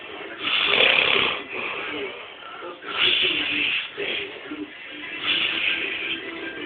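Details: Snoring: slow, rough, rattling breaths repeating every two to three seconds, about 26 a minute, with faint music in the background.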